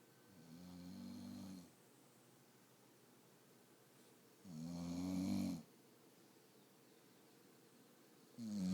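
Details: Recorded on an iPhone: loud rattling snores, each over a second long, repeating about every 3.5 seconds (roughly 17 per minute) in a quiet room.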